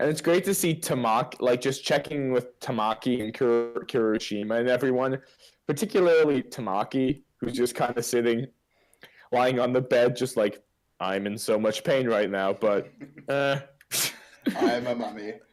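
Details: Adult male speaker; Typical speech.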